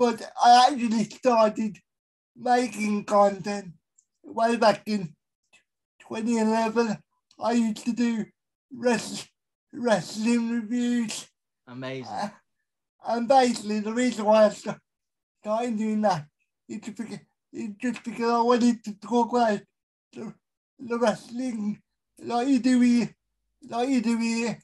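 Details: Adult male with a severe type of cerebral palsy; dysarthria (cerebral palsy).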